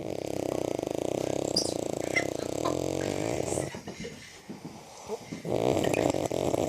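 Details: Heavy snoring in a sleeping adult woman (an aunt): long, loud, buzzing snores with a vibrating rattle, separated by short quieter pauses.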